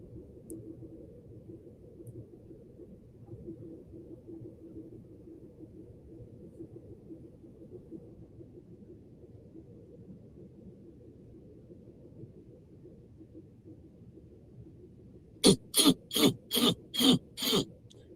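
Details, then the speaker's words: Adult with itchy throat gives a rapid run of about six sharp coughs over quiet room hum, a throat-irritation cough bout with throat clearing. "Oh Lord, I'm making all that noise. [laughter] I'm making all that noise. Let me bypass that part."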